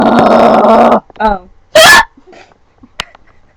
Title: Hiccup Attack